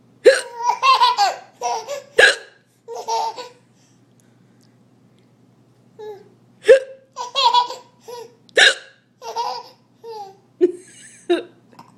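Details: Infant hiccups during dinner: repeated sharp, abrupt hiccup sounds mixed with laughter and babbling.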